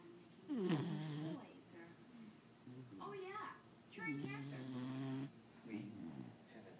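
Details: Bailey, a sleeping pit bull, snoring: groaning, fluttering snores across several breaths with faint room noise.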